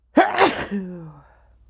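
One sharp explosive sneeze trailing into a voiced sigh; a single allergic sneeze.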